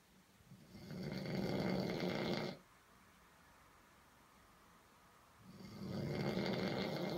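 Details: A drunk man snoring in his sleep: two long, rough, rattling snores a few seconds apart, with quiet pauses between them.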